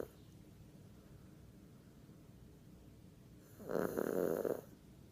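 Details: Snoring from a sleeping "little baby": quiet breathing, then one rough, fluttering snore lasting about a second.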